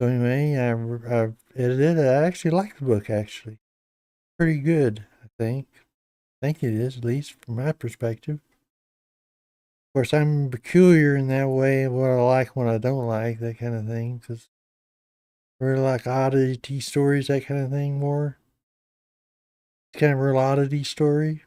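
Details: Adult man with Parkinson's disease for a little over 10 years, treated with deep brain stimulation since 2017, reporting his voice has declined and become less clear; Parkinson's disease speech (hypokinetic dysarthria).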